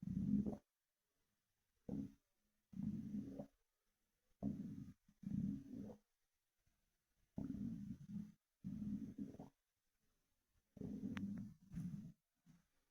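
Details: Repeated low gurgling rumbles in bursts with quiet gaps, with fluid sloshing after drinking an energy drink: ordinary stomach rumbling (borborygmi).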